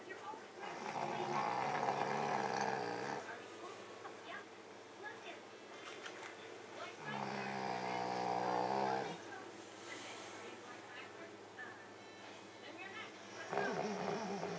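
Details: 2-year-old pug in deep sleep with long, buzzing, fluttery snores about every six seconds, under ten breaths a minute, faint room noise between; loud dog snoring.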